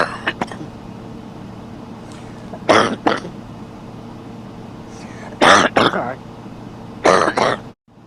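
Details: Three clusters of harsh coughing, two or three coughs each, over steady room hum, from a man; cough during sleep.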